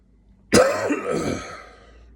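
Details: A single harsh cough or throat-clearing burst from an adult who is sniffling, tailing off over about a second in a small room; cough.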